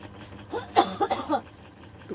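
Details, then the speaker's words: Cough from a habitual snorer while eating ketoprak; he coughs when woken: a short burst of three or four quick, harsh coughs in a quiet room. "ngorok mau makan lagi week ini dia pas lagi bangun batuk tuh kalau dibangun gak ngorok kan guys"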